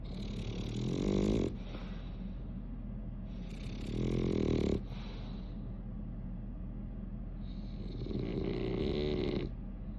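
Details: Three loud, rattling snores about every four seconds over a steady background hum; ordinary snoring.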